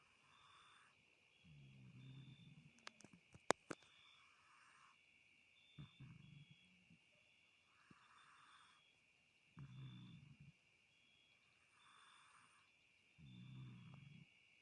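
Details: Sleeping female cat snoring: rough, rumbling snores roughly every two to four seconds over a steady background hum; harmless snoring.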